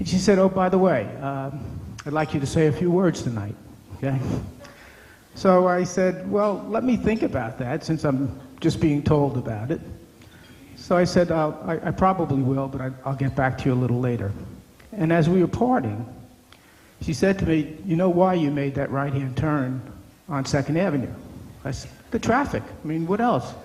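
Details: Adult male speaker; Normal speech.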